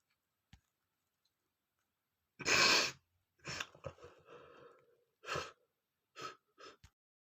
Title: sneezing male #5 (powder sneezing)